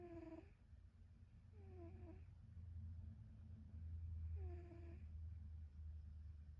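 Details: A cat snoring during sleep.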